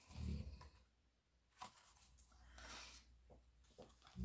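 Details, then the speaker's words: Low rumbling snores from a pet dog lying asleep beside the speaker in an office, with quiet room noise between. "Oh, j'ai Marty qui ronfle, ça fait longtemps. Hein. Là, il est dans le bureau, là. Et... il s'est mis à côté de moi, là. Et il ronfle, hein."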